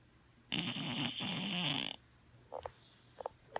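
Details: A sleeping cat, a former stray, gives one loud, rattling, snorting snore about a second and a half long, then a few faint short snuffles. Cat snoring.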